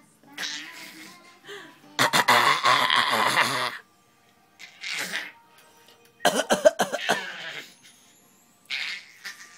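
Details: Child coughing in two loud bouts, each a quick run of harsh coughs, with quieter breathy sounds between.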